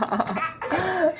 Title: Coughing and jumping.